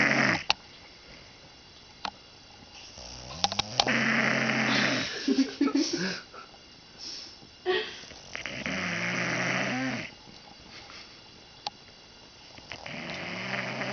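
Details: Snoring in deep sleep from a drunk adult man: irregular rough, fluttering snores and snorting breaths with some background noise.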